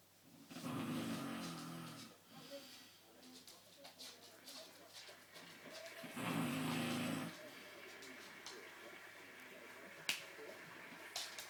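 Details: Person snoring with two loud, harsh rattling breaths about five seconds apart over room noise; snoring.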